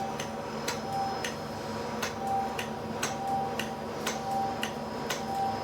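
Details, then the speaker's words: Sharp regular clicks about once a second over steady hum: radiofrequency microneedling making extra passes over deep, irregular textured acne scars on a woman's numbed face, in dark Hispanic skin. "i always like to do extra passes over the scarring area especially with these sort of deep irregular textured scars"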